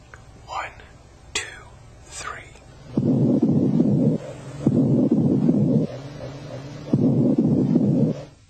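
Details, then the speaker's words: Chest auscultation with a stethoscope while the patient whispers "1, 2, 3": the whispered words are louder and clearer than normal, indicating whispered pectoriloquy, which suggests consolidation of lung tissue. "when these sounds are louder and clearer than normal as in this example whispered pectoriloquy is present"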